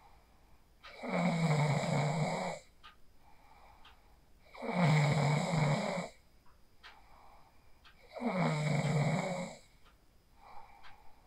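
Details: Phone recording of a person asleep in a small room after practicing the 4-7-8 breathing technique: regular low, rattling snores on each breath, about 17 a minute, with quiet gaps; sleep snoring.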